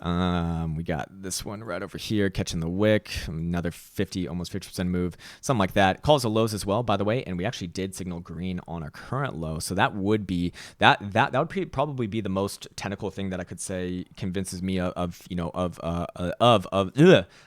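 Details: Stuttering in a male speaker who reports his own stutter and finds it annoying and embarrassing.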